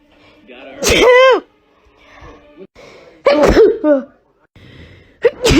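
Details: Three loud voiced sneezes, each preceded by a brief in-breath, in a quiet room; ordinary sneezing.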